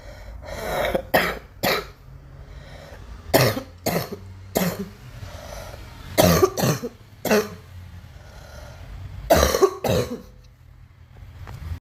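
A child coughs in short bursts, roughly eleven coughs, some paired, with quiet breaths between.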